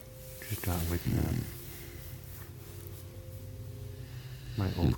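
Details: A sleeping dog, recorded May 1, 2017, gives two low, rattling, fluttery snore bursts about four seconds apart over a faint steady hum in a quiet room; ordinary snoring.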